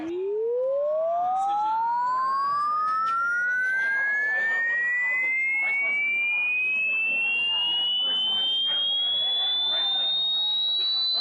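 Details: Hearing test tone sweep: a steady pure tone gliding upward from low to very high pitch over about eleven seconds; the listener reports hearing it all the way and is told their hearing is in great shape.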